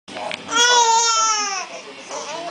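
A single drawn-out infant cry, rising then falling, in a small room; an ordinary infant cry.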